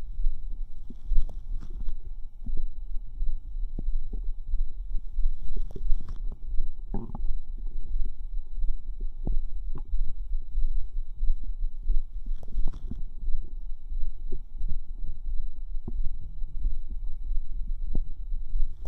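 Irregular bubbling, fizzing and squelching gurgles with scattered pops; ordinary bowel sounds of digestion.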